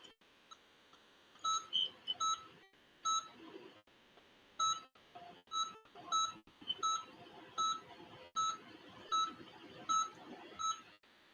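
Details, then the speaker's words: Anesthesia monitor beeping during a veterinary periodontal procedure, after power and hand scaling, while pocket depths are probed in an anesthetized pet: short high-pitched electronic beeps repeating irregularly over quiet room noise. "you're hearing the beeping and that's from up the patient because it is it is under"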